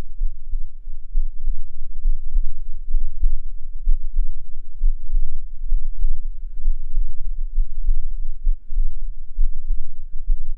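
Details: Adult heartbeat recorded with a binaural microphone, sound quality noted as poor: steady, muffled low thumps at about 67 beats a minute over a low hum.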